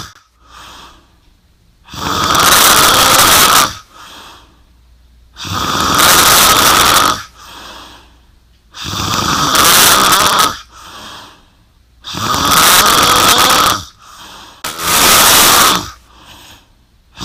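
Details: Heavy snoring (species not stated): loud, rough snores on each in-breath, about four in seventeen seconds, with softer out-breaths between.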